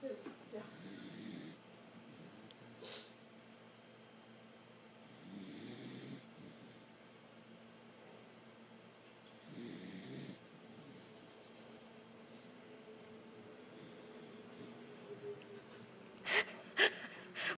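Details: Quiet, rough snores about every four to five seconds, roughly 14 breaths a minute, with a few handling clicks near the end; snoring.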